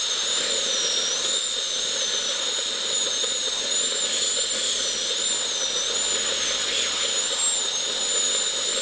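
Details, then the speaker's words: Steady high-pitched whine of a dental handpiece fitted with a different bur widening the access opening after the pulp chamber is found; simulated root canal on an extracted three-canal tooth assumed deeply decayed. "먼저 저희 치과에서 쓰는 이런 핸드피스라는 기구에 버라는 기구를 끼워서 이제 갈아내는 기구인데요."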